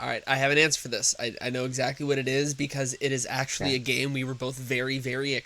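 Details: Adult male speaker; Normal conversational speech.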